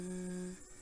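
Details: Adult patient's voice during laryngeal examination; Low-pitched sustained vowel with vocal fold polyp.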